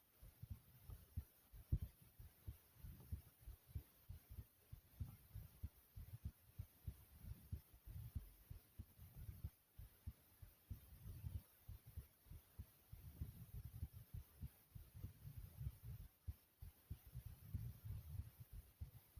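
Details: Smooth, soothing soft low thumping heartbeat, roughly 95 beats a minute, with a steady hum underneath; normal heartbeat.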